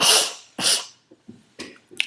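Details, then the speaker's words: Phonic tic of Tourette syndrome: two sharp nasal snorts followed by a few softer sniffs, a frequent tic often mistaken for illness. "I snort or sniff which is kind of gross and my mom hates it like she needs to like leave the room"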